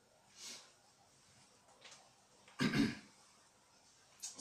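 A single short, rough throat-clearing burst with faint breaths around it in a quiet room; ordinary throat clearing.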